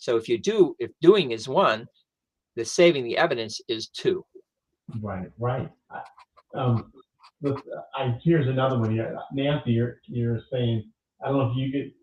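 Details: Adult stroke survivor who lost language after the stroke, now mostly expressive (Broca's) aphasia with some receptive difficulty; aphasia.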